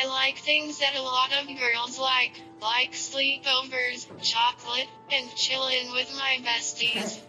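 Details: Child's communication device (synthetic voice); Synthetic speech from a speech-generating device.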